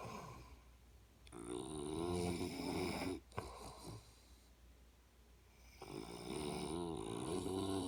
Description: Me and dad, thick in the middle of an epic battle.